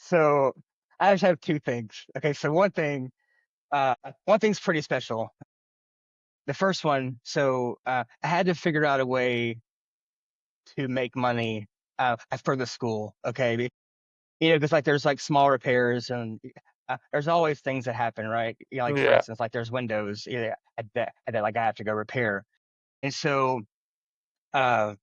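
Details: Adult man who has stuttered since childhood, stuttering.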